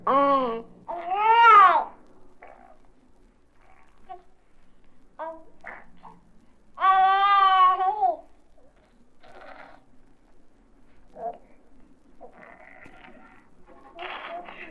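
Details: A young infant makes two long, loud, pitch-bending voiced cries, with soft babbling and brief squeals between them in a quiet room, from a 1967 recording; ordinary infant vocalizing.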